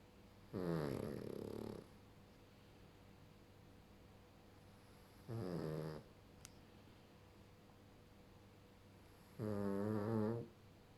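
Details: Sleeping pug gives three loud, fluttering snores about four seconds apart, roughly 15 breaths a minute: snoring of a flat-faced dog.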